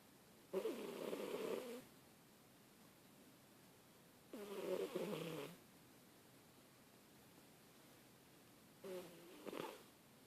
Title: Snoring fat cat!!